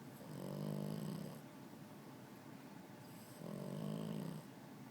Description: My puppy buddy snoring with his eyes open.